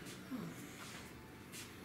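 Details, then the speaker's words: Large female Burmese python, about 100–120 lb after a drop from 210 to 90 lb; faint airy hissing breaths, a wheeze from breathing through its narrow windpipe. "while she may sound mean I can assure you she is definitely not"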